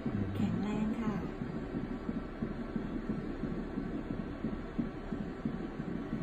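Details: Fetal heartbeat on Doppler ultrasound at 9 weeks 3 days: rapid, rhythmic whooshing pulses over steady background hum.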